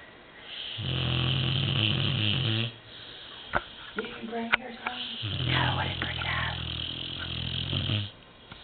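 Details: 2-year-old American Bulldog snoring very loudly while asleep: loud, rattling snores on two long breaths, with a quieter pause and faint noises between; heavy snoring.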